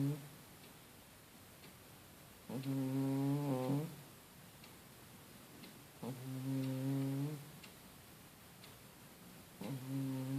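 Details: Male cat snoring while asleep: rhythmic buzzing, tonal snores about every three to four seconds, roughly 17 a minute; snoring.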